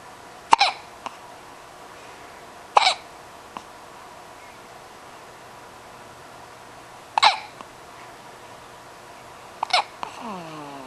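Four sharp, abrupt hiccup sounds at irregular intervals in a quiet room; ordinary hiccups.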